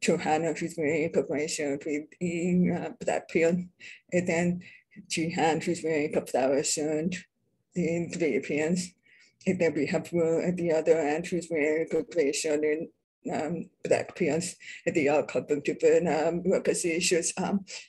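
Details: Adult deaf speaker, self-identified as a deaf person with a deaf accent, speaking at a public presentation; deaf speech (deaf accent).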